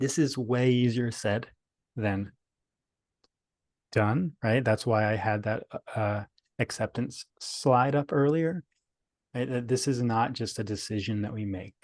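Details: Adult male speaker; stuttering.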